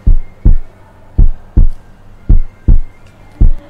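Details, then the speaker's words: Korotkoff sounds heard with a stethoscope over the brachial artery as the blood pressure cuff deflates at 2-3 mmHg per second; regular low thumping taps over a faint hum, the first marking systolic pressure. "reduce the pressure in the cuff at the rate of two to three millimeter of mercury per second until the first correct cough sounds are heard which corresponds to the systolic blood pressure"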